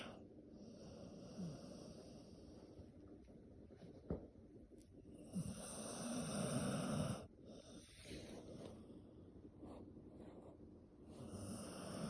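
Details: Sleeping dog snoring: soft, rhythmic rattling snores with each breath, ordinary harmless snoring.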